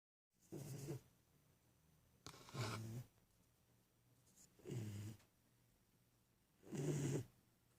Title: Snoring doberman